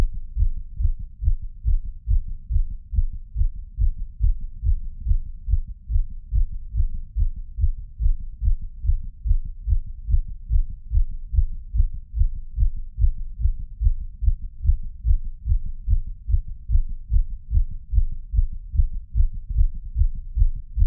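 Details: Fast, pounding heartbeat recorded with a Polar H10 and an ECG app: rapid, regular, low heart thumps at roughly 140 beats a minute.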